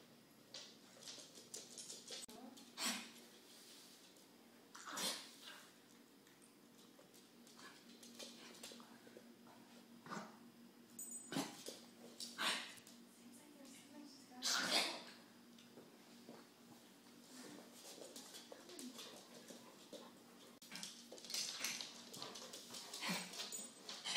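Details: Pet repeatedly hacking, retching and dry heaving with a harsh cough that brings nothing up; recorded at home for the vet because it wouldn't do it at the office.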